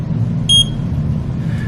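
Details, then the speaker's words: Metene AGM-513S blood glucose meter: a single short high-pitched beep over low background rumble as the test strip absorbs fingertip blood, signalling sample detection; reading was 134. "then take your meter allow the test strip to just touch the blood so it absorbs and you can get a reading"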